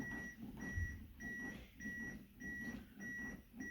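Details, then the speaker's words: AED training demonstration with voice prompts "analyzing heart rhythm, do not touch the patient", "deliver shock now", "shock delivered, begin CPR", then steady high metronome beeps about 100 per minute pacing chest compressions after the shock. "analyzing heart rhythm do not touch the patient nice and clear nice and clear well done good [Music] deliver shock now shot delivered begin cpr"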